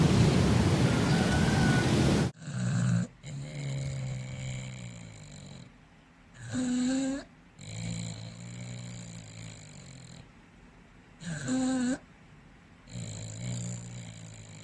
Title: Cute Dog Snores in Bed! 🤠 #cute #pets #dogs #short2024 #short #shortsfeed2024 #shortsfeed #funny